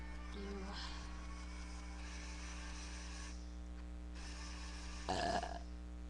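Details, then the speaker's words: Voluntary belching by a person who had practiced burping all day and felt nauseated. "I've been like burping all day and I've been practicing and everything and I'm just like really nauseated from doing it so much"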